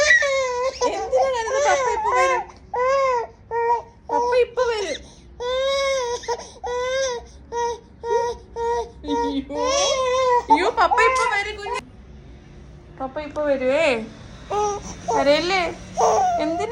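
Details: 7-month-old baby girl crying because she missed her father: repeated rhythmic crying bursts with whimpering pauses, an adult's consoling voice and laughter nearby; ordinary infant cry.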